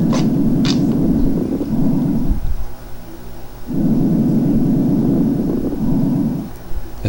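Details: Chest auscultation teaching recording: breath sounds with fine, brief crackles late in each inspiration, from small bubbles forming in the alveoli; fine (moist) crackles.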